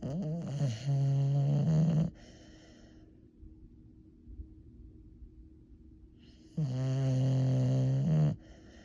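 Two loud, deep, buzzing snores about six seconds apart, with quiet breathing between them. Snoring.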